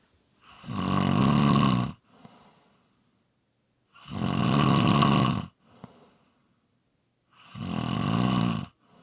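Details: Loud, rattling snores on each in-breath about every three and a half seconds, with quiet out-breaths between; ordinary heavy snoring.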